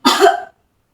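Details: Simulated nursing demonstration of effective coughing, seated: hands on abdomen, breath in through the nose, held 2–3 seconds, then one strong deliberate voluntary cough through the mouth, about half a second long.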